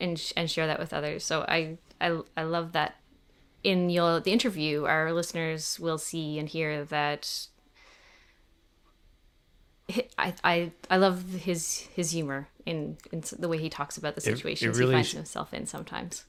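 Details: Stuttering in a 28-year-old man, an open stutterer, speaking in an interview; he has stuttered since childhood and had speech therapy from elementary through high school.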